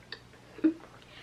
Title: TIC TALK: TEENAGER WITH TICS & TOURETTES